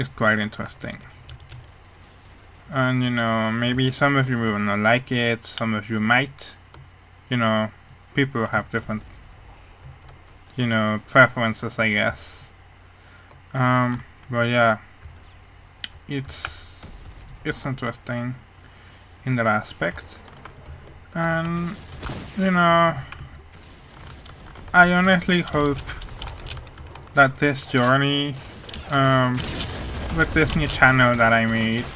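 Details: Speech of a man with hearing loss, which he says mainly causes how his voice sounds, rather than his accent.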